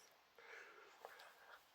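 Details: man with Tourette's who barks every few minutes while talking; barking sound between sentences; vocal tic (barking)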